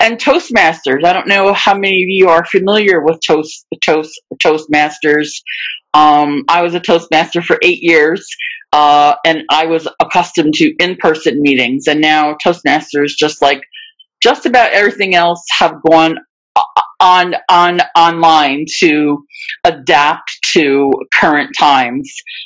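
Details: Real adult who stutters, speaking live in a webinar for people who stutter; stuttering.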